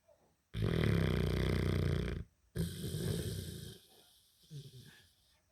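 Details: Two long, loud vibrating snores, each a second or more, followed by a softer breath: snoring.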